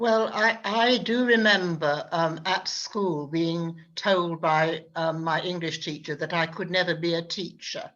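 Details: Adult woman with a very intermittent, fluctuating stammer who reports trouble with B words; stammering (stuttering).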